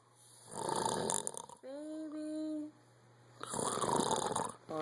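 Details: Sleeping brother snoring: harsh, noisy snoring breaths alternating with a higher, whistling, tonal snore on one breath; snoring.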